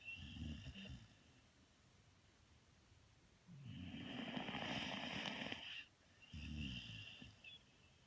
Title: Sleeping Snoring